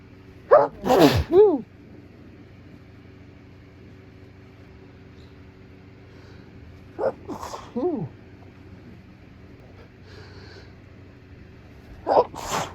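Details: Sneezing fit of very wet, forceful morning sneezes caught in tissues: three bursts in rapid succession, each a sharp intake then an explosive release, continuing even after nose-blowing.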